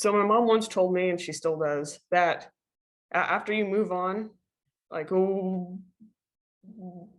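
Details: Female panelist who stutters, on a panel of people who stutter. She had online classes from the end of her freshman into her sophomore year. Stuttering.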